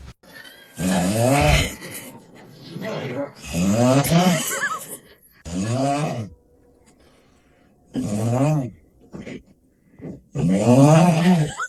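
Loud, long, vibrating groan-like snores in repeated bursts separated by silent pauses.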